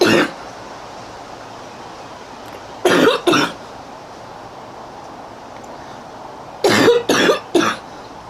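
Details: Coughing from a girl outdoors who cannot catch her breath: about six harsh bursts in short clusters, separated by quiet pauses.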